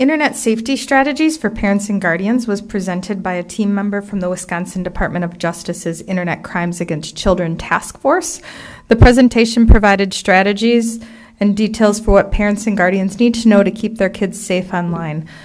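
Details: Adult woman speaking; ordinary speech.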